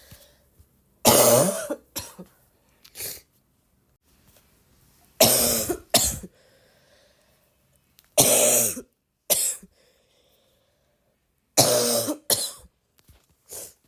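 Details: Persistent cough: repeated bouts of harsh coughing, about four bursts each followed by smaller coughs, with quiet gaps between.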